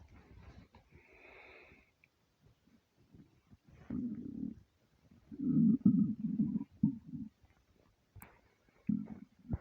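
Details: Empty stomach rumbling: low gurgling rumbles in irregular bursts, typical normal stomach growling (borborygmi).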